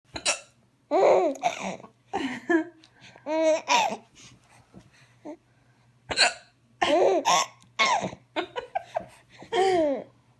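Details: Young child laughing in bursts, broken by short sharp hiccup-like catches in the voice; hiccups during laughter.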